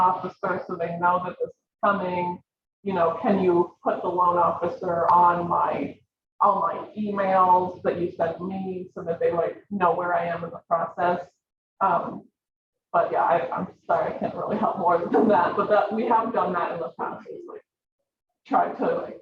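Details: Adult speaker; Normal voice.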